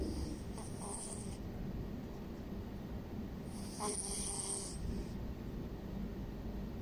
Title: EVERYDAY CAT - SNORING (PANDA) CAT